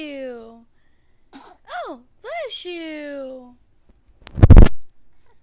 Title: Baby sneeze